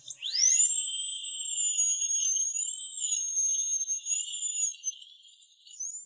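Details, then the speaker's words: A dental implant drill's high, thin, wavering whine spins up and runs steadily while boring the implant site. "刚开始钻孔要选择8毫米的小钻头，为了穿透坚硬的牙槽骨，医生调高了钻头速度，一切准备就绪，钻孔就开始了。"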